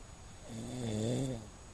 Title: king of snoring